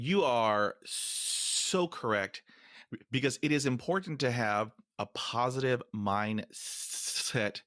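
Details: Man almost 50 who stutters, including when alone, and says his stutter is not caused by nervousness; stuttering.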